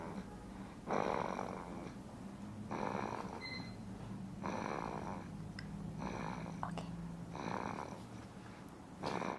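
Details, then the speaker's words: Almost 7-week-old baby boy snoring: soft regular snoring, a rattly noisy breath about every 1.8 seconds, roughly 33 breaths a minute. "This is our almost 7-week-old snoring baby. We just think the snoring is funny."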